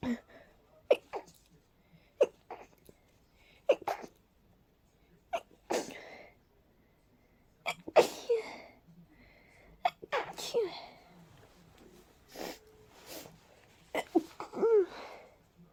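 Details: Person with a cold and a stuffy, sensitive nose: a rapid run of about a dozen sharp sneezes with short gasps between them; a sneezing fit.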